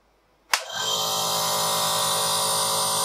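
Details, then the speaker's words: A click as the device switches on, then a steady loud buzzing hum of a nebulizer compressor running in a demonstration of nebulizer treatment, used for lung conditions such as COPD or asthma. "that's going to be a little bit loud but I'm going to turn it on"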